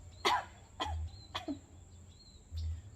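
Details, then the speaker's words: Adult gives a staged series of three sharp dry coughs, then a fainter fourth, over a steady hum, demonstrating coughing for a cough-etiquette lesson; cough. "Batuk merupakan penyakit yang umum kita jumpai dalam masyarakat."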